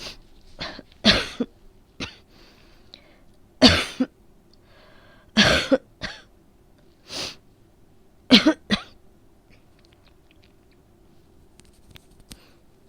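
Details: Productive cough during a cold that began with a sore throat: repeated loose, rattly coughs in short clusters, about ten in all, with throat clearing and lots of phlegm.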